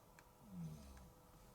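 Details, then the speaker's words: A single soft, low rumbling breath from a sleeping dog, snoring gently in a quiet room; snoring. "okay i don't know if you can hear lady is in here and she's snoring weird that really gently today so not really really um loud"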